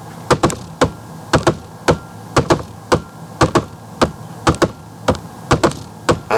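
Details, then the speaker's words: Simulated heartbeat, in triplets at about 58 a minute, with an extra sound just before S1, then S2: an S4 gallop, commonly detected in hypertension. "The S4 is normally heard before S1. So, it would be like this normally. Now, let's go with the abnormal."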